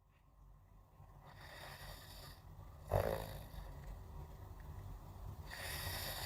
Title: Snore Mate: Snoring Sounds for a Cozy Sleep Companion 😴🌙🛌 #snore #sleepsounds #ambientnoise